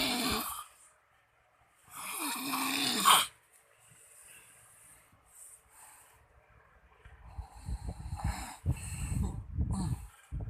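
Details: Man caught snoring really loud by his wife: loud, rough, low snoring breaths during sleep, with quieter stretches and some room noise between them.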